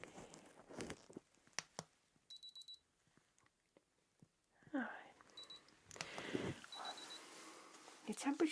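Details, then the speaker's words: In a simulated ASMR ear-exam roleplay of a patient with ear pain, soft handling and whispers, then two short high electronic beep bursts as an ear thermometer takes the temperature. "I'm just going to quickly take the temperature my lovely all right just going to pop that into your ear very gently there we go"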